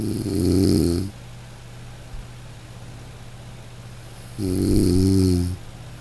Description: Close your eyes and listen to snoring Breath Relax …